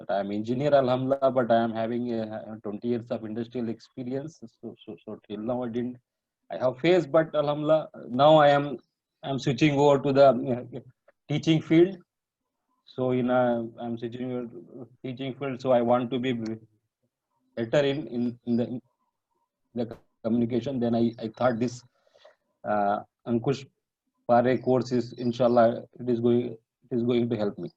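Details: Adult male engineer who has stammered for 40 years, recorded at the start of an online stammering training course; stuttering.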